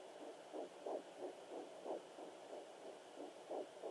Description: Baby heatbeat on a fetal doppler at 9 weeks & 1 day